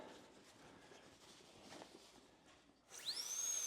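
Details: High-speed dental handpiece on a Forest 7000 series dental unit with water switch on: soft room hiss, then a high-pitched whine rising quickly to a steady shrill tone with water spray.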